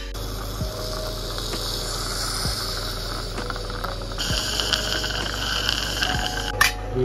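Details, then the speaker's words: Drilling bone for an immediate dental implant after extracting two retained milk canines in a braces patient, drilling to 11 mm in thick bone for a 3.6 × 11 mm implant: steady high drill whine with periodic clicks and hum; background music. "In the X-ray and the CT scan, we have already checked the volume. And now we'll start the drilling procedure."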